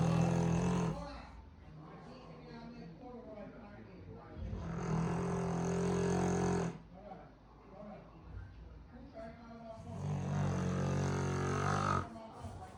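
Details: Sleeping dog snoring louder than a grown man: loud, deep, rattling snores on slow breaths in, with quieter breathing between.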